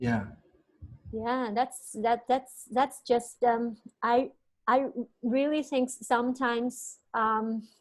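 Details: Stuttering in an adult male on a podcast about stammering.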